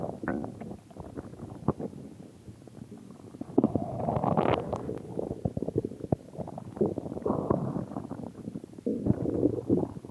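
Continuous rumbling and gurgling with bursts of louder growls; ordinary stomach growling.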